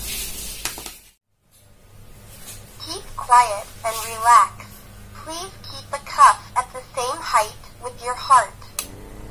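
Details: Synthetic voice of a Sinocare BA-823 oscillometric digital blood pressure monitor announcing a reading, apparently 194 mmHg, taken with the arm relaxed, over faint room hum.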